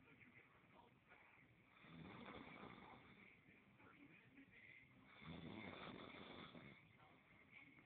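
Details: Snoring during sleep: two slow, rough, rattling breaths with a harsh vibrating sound against quiet room noise.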